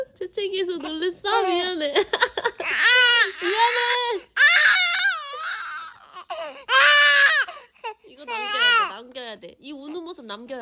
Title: 엄마 재채기에 놀란 아기반응 #90일아기 #육아 #baby